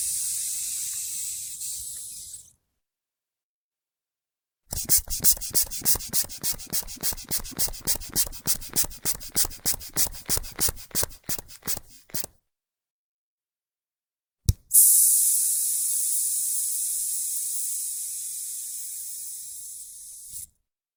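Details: Manual sphygmomanometer blood pressure measurement sound effect: hissing air, about three rapid bulb squeezes a second pumping the cuff, a click, then a long hiss of release as the cuff deflates.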